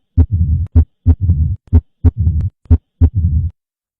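Steady beats near 62 a minute, each followed by a short snap and a low rumbling murmur: opening snap and diastolic rumble of mitral stenosis.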